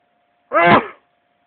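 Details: Single short voiced sneeze in a quiet room from a person feeling sneezy in the morning, followed by nose blowing; sneezing.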